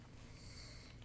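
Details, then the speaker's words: Female pug curled up next to her owner: faint, low rumbling breath sounds in a quiet room. Dog snoring. "I apologize um for the the snoring that you hear in the background. Um, one of my dogs is being extremely needy and she needs to be curled up right next to me."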